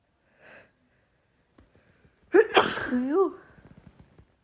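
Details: A short inhale followed by one loud voiced sneeze, then quiet breathing; allergic sneezing from pollen in a female during an uncontrollable sneezing fit.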